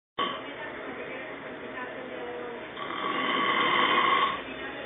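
Loud, rough, rattling breathing noise that swells over a few seconds; heavy snoring.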